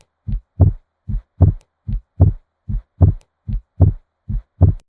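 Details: Markedly split first heart sound, teaching example heard at the tricuspid area (fourth intercostal space left of the sternum), patient supine, stethoscope diaphragm: regular heartbeat at about 75 a minute with a broadened first sound.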